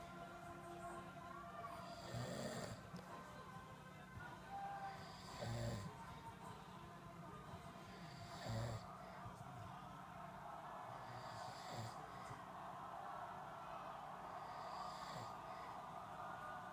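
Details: Quiet, rough snores from a sleeping adult man (a father) with each breath in, about 19 a minute and somewhat irregular, over steady room hum and faint music.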